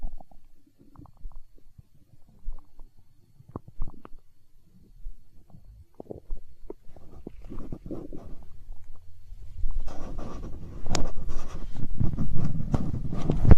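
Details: Hunger stomach growl recorded for ASMR: low irregular gurgles and rumbles building into a longer growl toward the end; normal borborygmi.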